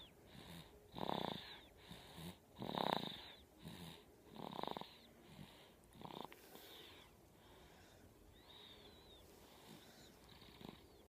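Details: Asha snoring while asleep after a long day of hard play: rhythmic snores with a whistling, wheezy edge, about 35 a minute, fading toward the end; soft background sound.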